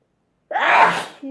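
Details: Sneezing into a Kleenex: one loud, sudden, hissing sneeze after a moment of silence.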